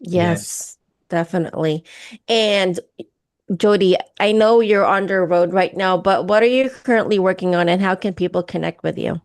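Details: Adult woman; normal speech.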